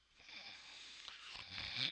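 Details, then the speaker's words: Imitated obstructive sleep apnoea episode demonstrated in a lecture: noisy, strained breath builds into a loud snorting gasp as breathing stops (apnoea) and resumes. "so what happens is you stop breathing and that's called an AB Nia so your sleep this is what it looks like"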